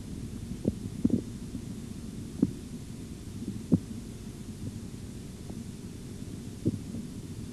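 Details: Korotkoff sounds in an auscultatory blood pressure training exercise with a bradycardic patient: faint, slow taps over a low hum as the cuff deflates. A few irregular sounds at the start are not counted.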